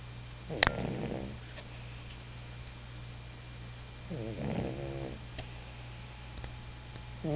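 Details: A pet sleeping at her owner's feet snores, two slow rattling snores about three and a half seconds apart, a third just starting, over a low room hum.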